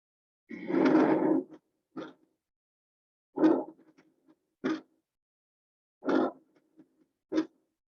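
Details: Normal breath sounds, bronchovesicular, vesicular and bronchial examples: short, soft airflow sounds with pauses between them.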